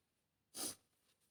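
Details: A single short, sharp, hissing soft sneeze with quiet room noise before and after, from a woman with a serious autumn cold with a stuffed nose, nose blowing and coughing; sneeze.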